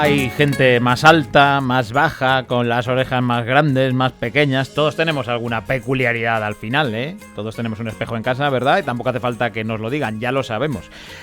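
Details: Adult male speaker (radio host); typical speech.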